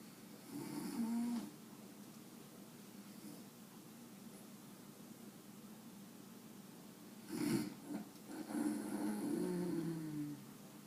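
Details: Grandmother snoring while resting one afternoon, waking a sleeping Jack Russell; loud, rattling snores on breathing in, separated by quiet pauses; ordinary snoring.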